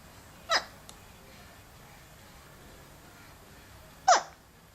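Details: Baby boy who often has hiccups: two brief, sharp hiccups about three and a half seconds apart in a quiet room; infant hiccups.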